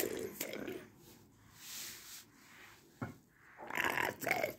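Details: Man using esophageal speech after starting speech therapy in April 2019; esophageal speech.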